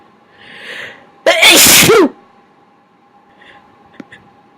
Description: I've sneezed so much, my inducing method isn't working as well, but I still managed to get some out, and boy were they big!